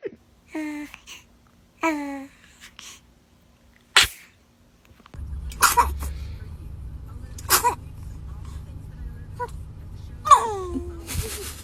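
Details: A run of small, high-pitched sneezes, some with squeaky voiced tails, with a little background noise; repeated sneezing.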